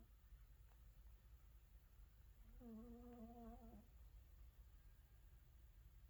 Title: Cat snoring lol #funnycats #catshorts